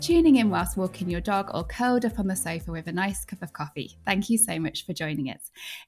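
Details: Adult woman; typical speech.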